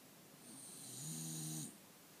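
A single drawn-out breath with a low droning tone and a faint high whistle: snoring.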